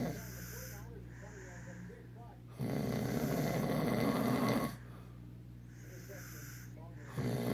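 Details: Man snoring during sleep: loud, rough noisy breaths alternating with quieter phases.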